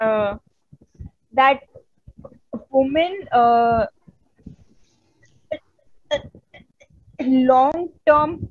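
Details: Adult woman who stutters, a member of an Indian stammering self-help association, presenting on women and stuttering at a 2022 stuttering conference; stuttering.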